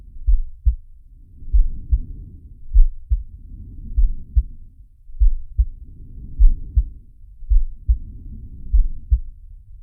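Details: Simulated (animated cartoon) heartbeat of the character Sharky: regular low double thumps at roughly 50 beats a minute, with soft breath noise rising and falling behind them.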